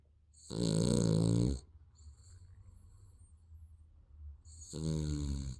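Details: Sleeping baby snoring: two soft buzzing snores about four seconds apart with quiet breathing between.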